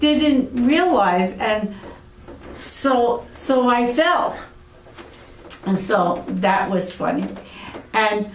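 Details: Aphasia in an adult woman after a severe stroke about eight years earlier.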